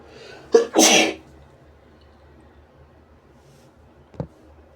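A quick indrawn breath, then one forceful sneeze, followed by a faint sniff in a quiet room.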